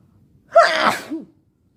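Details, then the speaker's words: Sick person sneezing all day with a headache, during an intense sneezing fit: sharp in-breath, then one forceful explosive sneeze and a short vocal sound. "Oh God, my head hurts. I've been sneezing all day."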